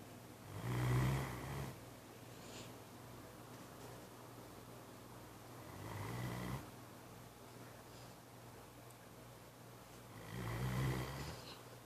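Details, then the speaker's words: Labrador dog asleep on a couch, snoring like a human: three loud, low rattling snores about four seconds apart, roughly 15 breaths a minute, over a steady room hum. "This is 11369. Scooby-Doo. Snoring up a storm."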